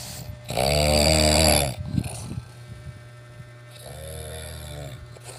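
Loud, rough, vibrating breaths in and out with a buzzing quality; snoring.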